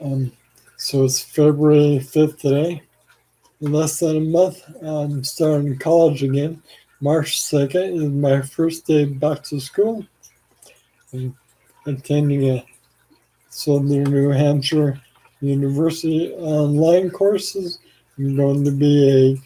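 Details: Adult man with ALS, 4 years after diagnosis and 14 years after symptom onset, on blood thinners for blood clots; worsening slurred speech, saliva and phlegm buildup with frequent swallowing, and arm weakness; finding: dysarthria (ALS).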